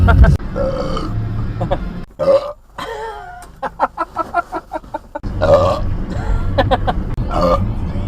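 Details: Person deliberately burping while driving: long, loud belches, one with rapid fluttering pulses, over car engine rumble.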